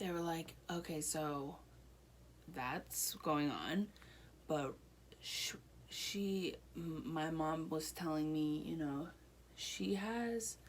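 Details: Broca's aphasia in an adult woman one year after a stroke affecting her right side, with speech improving during therapy.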